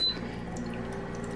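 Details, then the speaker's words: Steady watery bubbling over a low machine hum as oxygen passes through the humidifier water bottle of a Boswell oxygen concentrator after it is switched on. "you'll see a window the water is bubbling and so you'll know whether or not you need to add water"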